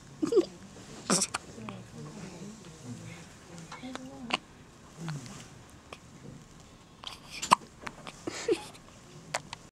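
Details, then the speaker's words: A young child's hiccups at dinner: sharp, abrupt vocal hics at irregular intervals over household chatter and clatter. "hey de hi hi honey do you have the hiccups see yeah"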